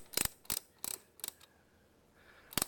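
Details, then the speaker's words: Training demonstration of traction splint application for a femur fracture: several sharp mechanical ratcheting clicks in bursts as mechanical traction is applied to the leg. "step nine appropriate mechanical traction applied using the splint step 10 manual traction is maintained until relieved by mechanical traction"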